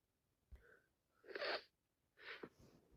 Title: Wet cold sneezing and sniffles more sneezing after 3 mins